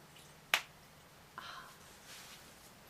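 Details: A girl cracking her knuckles and toes: a single sharp crack followed by a softer pop in a quiet room; harmless joint cracking.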